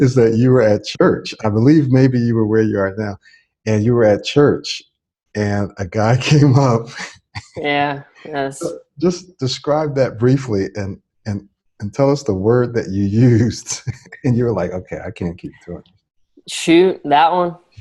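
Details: Adult male speaker; fluent speech.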